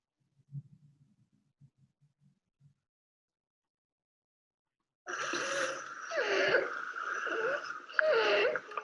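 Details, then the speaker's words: Harsh, high-pitched musical noisy breaths in a pediatric patient: inspiratory stridor from the upper airway. "bueno muy bien identificado este ruido es de vía aérea alta y es un estridor el paciente en un estudio inspiratorio muy bien"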